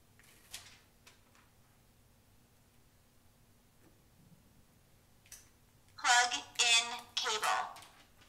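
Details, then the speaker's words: AED after pads attached to bare chest: voice prompts "analyzing, do not touch patient, shock advised, press shock button, one shock delivered, start CPR" with loud repeated electronic alert tones. "cable analyzing do not touch patient shock advised press shock button one shock delivered start CPR"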